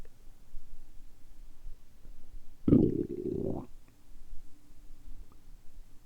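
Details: Adult fasting about 12–13 hours since previous evening's dinner, very hungry, recorded in a quiet room: a single low gurgling stomach rumble lasting about a second, ordinary bowel sounds after drinking carbonated water on an empty stomach.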